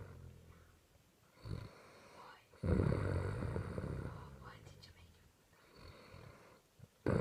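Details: Sister snoring while asleep: low, rough, rumbling breaths rising and fading with her breathing, faint whispering in the room.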